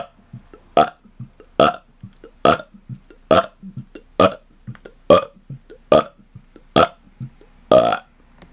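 About ten loud, voiced belches in steady rapid succession, each followed by a quick gulp of air; repeated burping.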